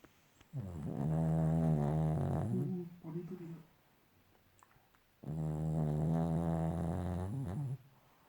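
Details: A sleeping dog snoring: two long, low, rumbling snores with a buzzing, fluttering quality, followed by quieter exhales.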